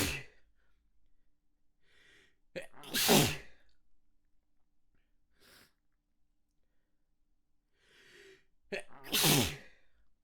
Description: I was trying not to get caught in the middle of a sneeze fit